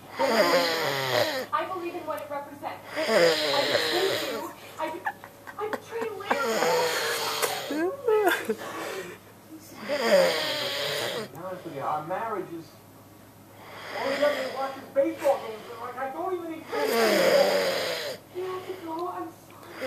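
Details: A person who fell asleep watching a movie at a sleepover, filmed by a sister, snores very loudly with rattling sounds and long drawn-out inhalations, roughly 9 a minute at uneven intervals.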